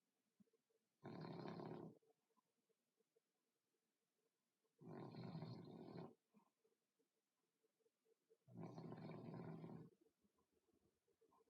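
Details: Flat-faced male dog whose smashed face makes him snore a lot: three loud, rough, rattling breath sounds, each about a second long, several seconds apart with quiet between; snoring.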